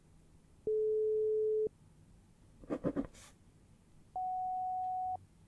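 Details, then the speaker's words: Role-played ASMR hearing exam using headphones, where the listener raises a hand on hearing a tone; two steady one-second beeps at different pitches separated by soft rustling. Pure tone audiometry tones. "now we are going to pop some headphones over your ears and we are going to do a pure tone audiometry test as well as a word in noise Hearing in noise test as well"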